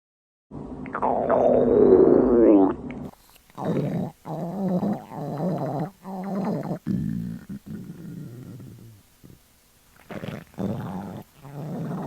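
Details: Hunger stomach growling (borborygmi) from a girl in a swimsuit: a long low gurgling rumble followed by a series of shorter growls, normal loud bowel sounds.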